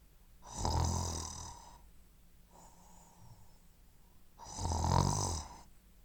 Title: Snoring (Loud) - Sound Effect